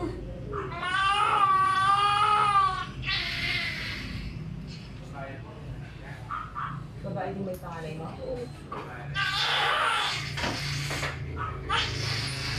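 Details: Loud wavering high-pitched wails in bursts with quieter gaps from a newborn girl just after a normal vaginal birth, the mother's second baby.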